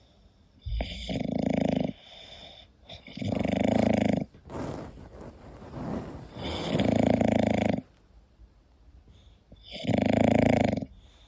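Loud, throaty snores with a rasping tone and softer snorting breaths between, about four in eleven seconds; a sleeping dog snoring.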